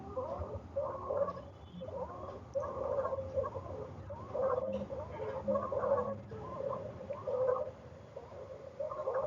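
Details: Pediatric stridor: repeated harsh, high-pitched musical noise with each breath, about 40 a minute, from a narrowed upper airway.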